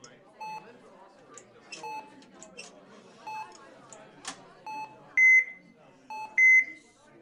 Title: Intensive Care Unit (ICU) Sounds, Hospital Ambience In Two Minutes